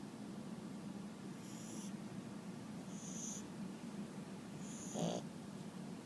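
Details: Quiet snoring during sleep: soft, steady, low breathing noise with a few faint whistly sounds on breaths.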